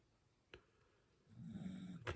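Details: Jimbers, a small dog, asleep: a single low rumbling snore preceded by a faint click in a quiet room.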